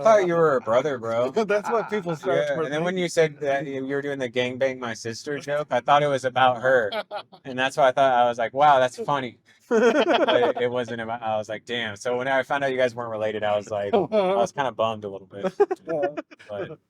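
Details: Adult man speaking; normal conversational speech.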